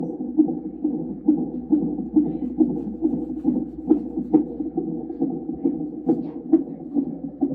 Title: Monitoring heart in mom’s tummy #pregnant #babysheartsound #OBGYN